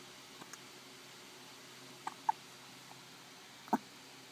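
Several brief, sharp little hic sounds, unevenly spaced in a quiet room, are typical of a baby's hiccups.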